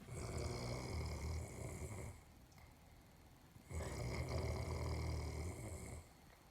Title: This dude snore like a bike slowing down